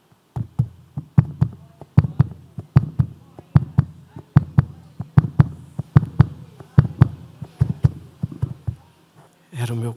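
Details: Deep, regular paired thumps at about 75 a minute: a baby's heartbeat heard through a stethoscope on the chest, in a dramatized retelling of an infant whose heartbeat was found again.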